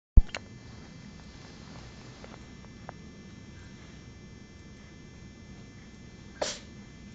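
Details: Two brief, sharp small sneezes, one at the start and one near the end, over low room hum, from a 4-month-old female cat.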